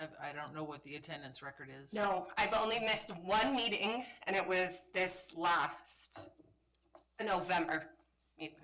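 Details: Adult woman with spasmodic dysphonia, a voice disorder she describes as a brain disorder that kicks in intermittently and likens to RFK's condition; spasmodic dysphonia.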